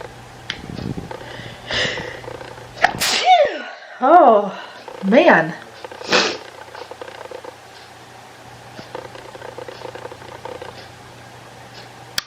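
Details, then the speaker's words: Person repeatedly sneezing while trying to start a vlog: a brief lead-in breath, then three loud sneezes in quick succession, then quiet: sneezing. "good morning am I going to sneeze again just waiting till this is done"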